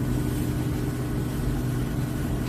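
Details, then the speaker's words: Phlegm suction machine just switched on via green power button, before pressure is set to 80–120 mmHg for oral or throat suctioning: steady low motor hum with an even, unbroken drone. "เมื่อเราต่อในลักษณะนี้เรียบร้อยแล้วนะคะเราจะใช้งานโดยการที่เสียบปลั๊กนะคะจะเห็นว่ามีปุ่มPowerาเวอร์สีเขียวขึ้นนะคะให้เรากดออนค่ะ"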